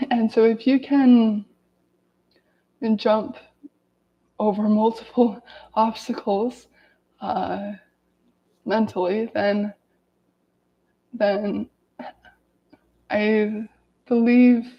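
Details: Adult woman with lifelong daily stuttering reading aloud from a self-therapy book, with word repetitions such as "the the"; stuttering.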